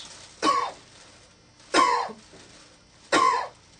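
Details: Three brief, forceful voluntary coughs on request from an adult patient lying on a bed during an abdominal examination, a manoeuvre used to bring out a ventral or umbilical hernia, in a quiet room.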